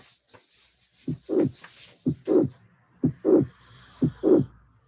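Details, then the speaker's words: Regular heartbeat near 60 a minute with a soft blowing late systolic murmur before the second sound; mitral regurgitation, prolapse in a young female or papillary muscle dysfunction in an older man with ischemia. "if you have a young person young female with a mmur such as this one you have no doubt mitar prolapse if you have an old man with risk factor with chest pain hospitalized for mardum function is not mpse is a dysfunction of the pap muscle"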